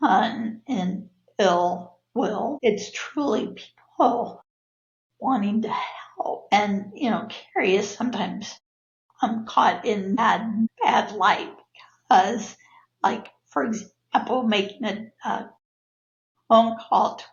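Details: Adult woman with spasmodic dysphonia (laryngeal dystonia), a neurological disorder of no known cause, with abductor and adductor features; voice worsens with stress; spasmodic dysphonia.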